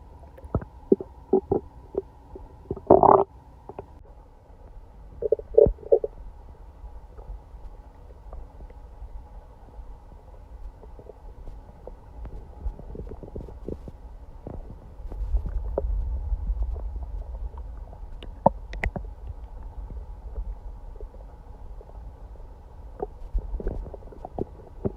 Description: It’s the day after eating Chinese food and I was sick all night now it sounds like something is swimming in my belly.